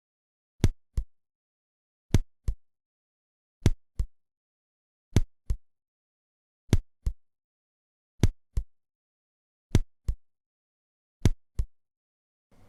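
Simulated heart sounds: slow, regular lub-dub pairs at about 40 a minute, marked bradycardia from complete heart block.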